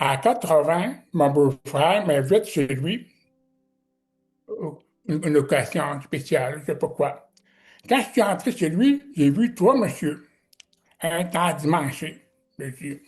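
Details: Man with severe-to-profound deafness who learned to pronounce letters and also learned sign language; deaf speech.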